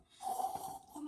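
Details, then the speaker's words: Adult snoring during sleep, with an elongated, sagging uvula; breath goes in but blocks on the way out, unable to leave the nose, so the mouth puffs out and sucks in all night: a brief, rough, fluttering buzzing snore. "그래갖고 숨소리가 들어가긴 하는데 나올 때 막혀갖고 이게 코로 못 나오고 입이 푹 가고 퍽 들어가고 이 소리가 나는 거예요. 계속 밤새."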